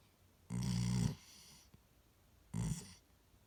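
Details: Snoring.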